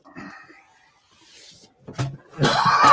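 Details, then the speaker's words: Adult male coughing during a live stream: quiet rustling, then two short harsh bursts and a louder rough hacking cough, with wheezing. "so coughing and hacking and wheezing over here"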